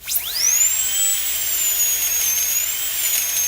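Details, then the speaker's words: Dentist's drill: a piercing high whine rising quickly as the drill spins up, then holding a steady shrill pitch, played as a cringe-inducing sound. "all right now let's do a favorite one that a lot of people who have which is the dentist drill and I know this affects me slightly when I'm at the dentist"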